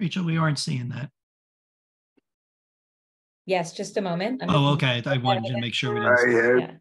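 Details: Adult speaker; typical speech.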